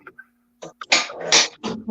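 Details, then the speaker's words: Man with a rough voice who reports liquid in his lungs, coughing all night and a feeling of something stuck in his throat forcefully clears his throat in a few harsh, rasping bursts. "I was just trying to clear my throat I'm sure you guys didn't want to hear that"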